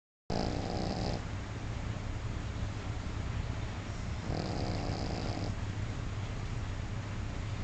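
Two long, low rattling snores about three seconds apart over steady room noise; snoring.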